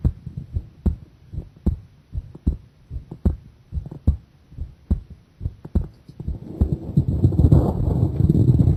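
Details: Heart sounds during a breath-hold with straining (pressure): regular paired heart thumps at about 75 a minute, then fading under rumbling noise.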